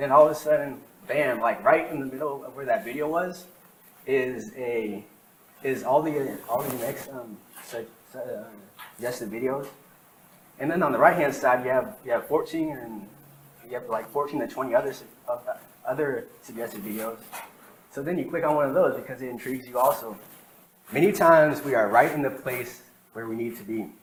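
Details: Real stuttering in a man who has stuttered since he began speaking, recorded between 2013 and 2019 while working to improve fluency; he reports sometimes needing minutes for a single sentence.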